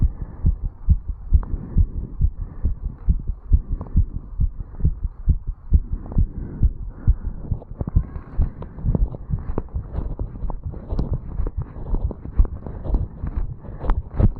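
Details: 35-year-old male, recorded at the mitral area after jogging up stairs, some running noise: rapid, steady lub-dub heart sounds through a stethoscope; sinus tachycardia after exercise.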